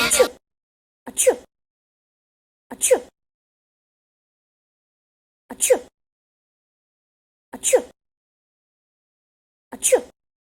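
Six identical short sneezes separated by silence, the same sneeze repeated.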